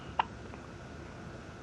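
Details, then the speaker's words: Three-month-old infant girl on a 1988 home audio tape gives a single short, sharp vocal 'hic' against steady tape hiss while an adult says the baby has the hiccups. "Say, right now I have the hiccups. Yes, I do. I have the hiccup now."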